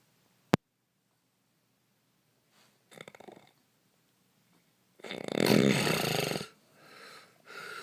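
A sharp click, then soft breathing noises and a loud, rough, rattling inhaled snore, followed by quieter breaths; snoring.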